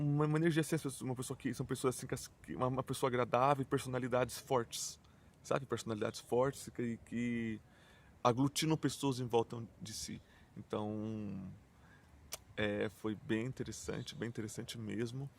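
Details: Adult male who stutters, mainly with blocks and silences; he notes it may not be very evident here; a word repetition occurs in this stretch; stuttering.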